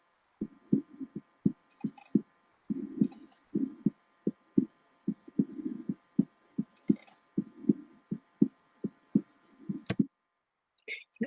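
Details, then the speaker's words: Regular heartbeat with a soft extra low thud about 0.1 seconds after the second heart sound, giving a galloping rhythm: third heart sound (S3), from rapid ventricular filling, can be normal in patients aged 15 to 40. "next let's move on to a third heart sound and we call this s3 and this is heard roughly 0.1 seconds after the second heart sound it's quite subtle so you can only just about hear an extra sound after the second heart sound"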